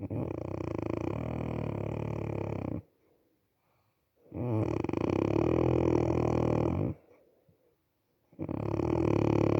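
Three long, loud, rumbling snores a few seconds apart, each followed by a quiet pause; ordinary snoring.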